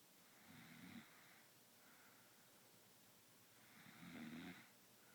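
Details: A sleeping baby girl snoring loudly: two low rumbling snores about three seconds apart over quiet room noise.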